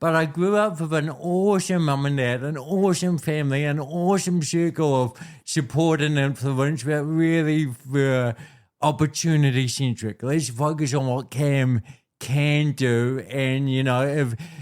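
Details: Dysarthria in an adult man born with cerebral palsy, a physical disability affecting how messages travel around his body; he was told walking and talking would be his biggest challenges.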